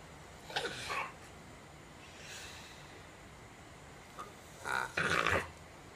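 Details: Dog with stenotic nares (no nostrils), recorded before corrective surgery, forced to mouth-breathe: harsh, snorting stertor from noisy upper airway breathing.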